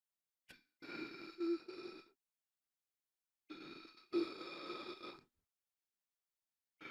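Two long, strained, voiced gasps for air separated by silence, from a sound-effect recording.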